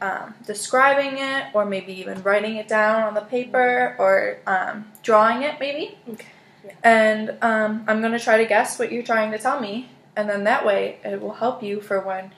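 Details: Adult woman, clinician; no disorder.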